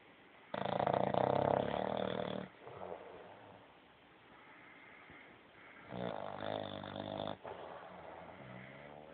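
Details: Sleeping bulldog: loud, rattling snores on each breath in, separated by quieter breathing out; snoring.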